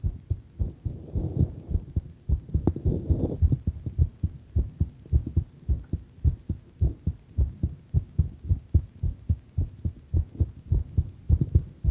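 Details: Steady, quick, low thumping heartbeats with brief rubbing noise early on; the person says their heart sounds a bit faster; fast heartbeat.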